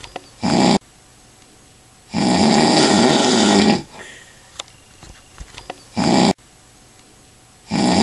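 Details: Man snoring while asleep after drinking lots of alcohol.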